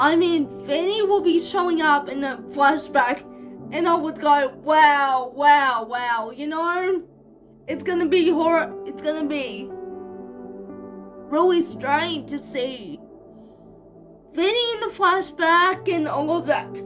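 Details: 25-year-old woman living with cerebral palsy, speaking naturally in a vlog: mild dysarthria in cerebral palsy.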